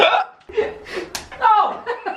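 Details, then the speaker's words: Person with loud hiccups they could not get rid of: a sharp, abrupt vocal catch between bits of speech and laughter, while trying to make the hiccups loud; hiccups. "hey guys wait now I'm like hiccupping oh did you hear that I don't really I'm not really trying to I'm trying to make it really loud"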